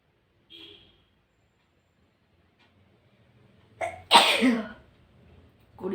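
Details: A quiet intake and soft sound, then a sharp explosive sneeze with a short trailing exhale, recorded alongside nose blowing.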